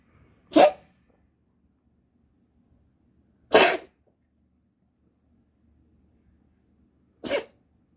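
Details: Cat with recurring morning cough; vet found nothing abnormal, owner suspects herpes or feline asthma. Three short, dry, hacking coughs about three seconds apart in a quiet room.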